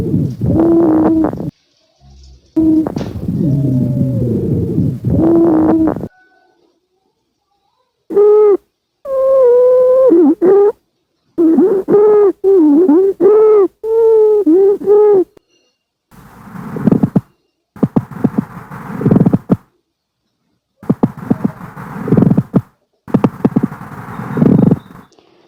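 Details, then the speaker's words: Adult male patient taking deep breaths, stethoscope diaphragm placed at each auscultation point of the chest during a respiratory exam: soft, even rushing breath sounds, no wheeze or crackles; normal breath sounds. "Pemeriksaan auskultasi suara nafas, kita dengarkan suara nafas pasien dengan meletakkan diafragma stetoskop di setiap titik lokasi."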